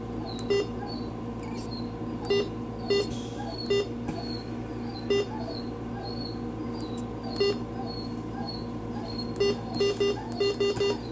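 Short electronic beeps, single and in quick runs, from a fluid infusion pump as it is programmed; steady room hum behind.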